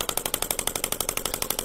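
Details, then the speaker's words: Shockwave therapy device treating tennis elbow (lateral epicondylitis) at the tendon attachment points, with ultrasound gel applied: rapid, regular clicking pulses at about twelve per second. "yeah so this is really you know delivering that ultrasound wave into the tissue allowing things to break up and then repair mechanism to get reactivated and jump started"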